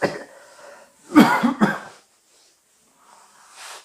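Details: Acted cough in a Korean monodrama, by a character with a lingering cold: two harsh, wet-sounding cough bursts followed by breathing; simulated cold cough.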